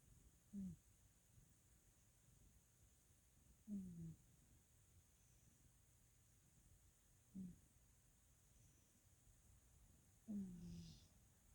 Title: Waffle wheezing